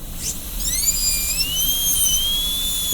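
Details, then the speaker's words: High-pitched high-speed dental drill whine, rising and wavering as it cuts, while repeating the gingival extension for more clearance in a class II disto-occlusal preparation on tooth number 5, in student training. "Drill a hole down that wall. Drill a hole down this wall. Cut away from each of those walls."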